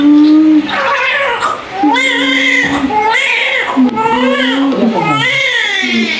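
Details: Strong, high-pitched newborn crying in long wavering wails immediately after a normal vaginal delivery; a vigorous first cry, a normal sign at birth.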